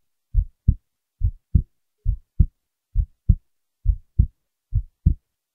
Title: heartbeat recording